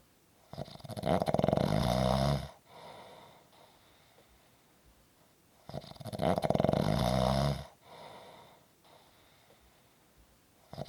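Two loud, rattling snores on inhalation with quiet breathing out between them, in a small room.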